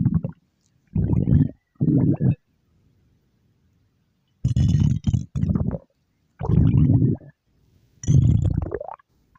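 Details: A stomach growl used as a game character's sound effect (Mystic Flour Cookie): several deep, drawn-out growling rumbles separated by silences.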